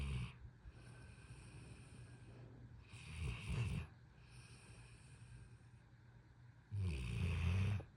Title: Best snore buddy! #hunk #pitbull #snore #bedtime #funnydog